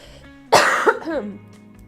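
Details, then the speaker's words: Cough from an adult woman who still has a cold and cough, with a recent cold sore. "still have a cold. Still have a cough. Whatever it's Whatever it is, I still have it."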